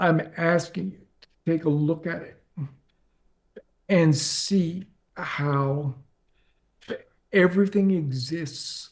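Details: Adult man with ALS diagnosed four and a half years ago, advanced and nearing end stage: onset right calf, spreading through legs, core, arms and hands, now neck deep with difficulty speaking and breathing; speaks using a ventilator; dysarthria in amyotrophic lateral sclerosis.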